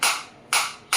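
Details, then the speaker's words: Focused (not radial) shockwave therapy device, applicator held against the operator's hand, with frequency raised from 120 to 150 at intensity around 11: sharp, regular snapping pulses about twice a second as the device fires shots. "now I will increase the frequency 120 in the multiple of 30 it will increase you can feel the difference you can feel the difference in the sound also and I can feel the difference in my hand also 150"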